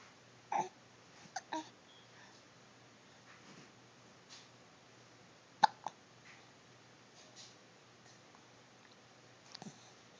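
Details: Hiccups: short, sharp, soft squeaky catches recurring at irregular intervals over ten seconds, toy-like; said to be quieter when the mouth is closed.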